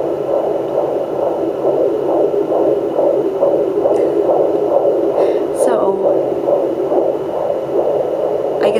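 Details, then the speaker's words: Normal fetal heartbeat on a Sonoline B pocket fetal Doppler in the mother's second pregnancy, recorded with her standing after the baby kicked: rapid, regular whooshing pulses at about 136 a minute over a steady hum. "it's just been again a relief kind of thing when you find the heartbeat and it's just the most amazing sound ever"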